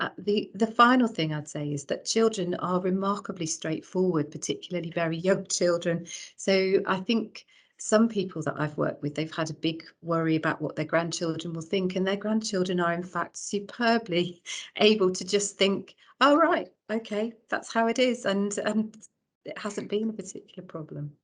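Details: Adult woman speaking; Normal speech.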